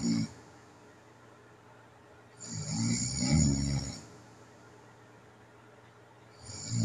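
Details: Rough, fluttering snores on breaths in, separated by several seconds of quiet; snoring during sleep in a person with sleep apnea, recorded at night, one of several taped sleep recordings.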